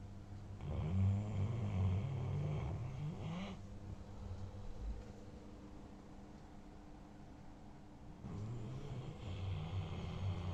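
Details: German Shepherd dog: deep, rumbling, rattling breaths in two long bursts with a quieter stretch between: heavy snoring.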